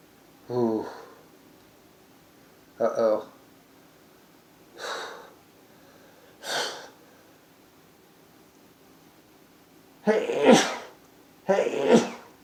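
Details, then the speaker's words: Adult man's morning sneezing fit after eight hours' sleep, about 40 sneezes so far including multiples; this clip has six sharp sneezes in about twelve seconds, some in quick pairs, with quiet pauses between; repeated sneezing. "Hey gesundheit alright I think I've already sneezed like 40 times including the multiples hey it's not awful okay one more multiples"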